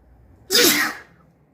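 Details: A single sharp, forceful sneeze with a wet, hissing burst of air: an ordinary sneeze.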